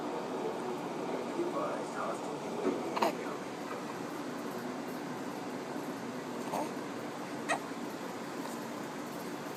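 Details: Young child's hiccups recorded while his father plays a video game, amid game audio.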